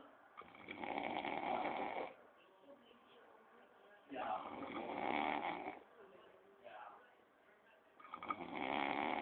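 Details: Slow, loud rattling snores during sleep, about every four seconds (roughly 15 a minute), with quieter gaps between; snoring.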